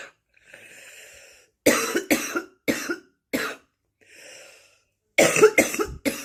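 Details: Bad smoker's cough: two runs of harsh, wet coughing, about seven coughs in all, each run preceded by a wheezy indrawn breath.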